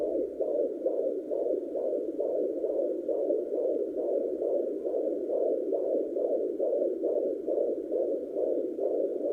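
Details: Fetal heartbeat at 29 weeks (28 weeks 6 days) of pregnancy, a baby boy, on a pocket fetal Doppler: rapid, regular whooshing heartbeat, about 136 beats a minute.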